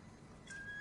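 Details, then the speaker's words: Dog of about 14 years with upper airway obstruction and marked respiratory distress; sedated laryngeal exam showed barely any movement and a very narrow airway: a loud, high, steady whistle on breathing, exaggerated inspiratory stridor. "se oye un pitido importante cuando respira no esto es lo que nos conocemos como un escritor que es muy diferente"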